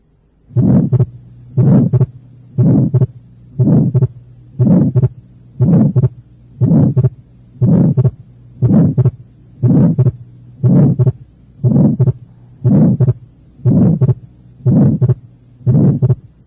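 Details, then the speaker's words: Teaching recording from the second left intercostal space: regular heartbeat about 59 a minute, second sound split without clear change with respiration, plus harsh medium-pitched systolic murmur; fixed split typical of atrial septal defect. "fue un desdoblamiento fijo del segundo ruido cardíaco como sucede en las comunicaciones inter auriculares el segundo ruido cardíaco está desdoblado y el desdoblamiento no cambia de manera evidente con la respiración"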